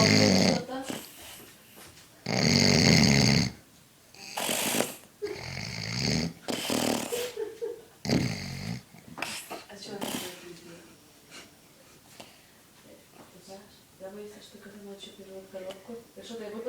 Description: Very funny snoring